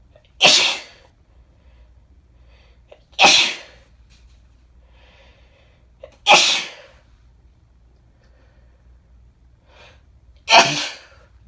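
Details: Woman with bad summer hay fever: four loud, sharp sneezes about three seconds apart, with quiet breaths between; repeated sneezing.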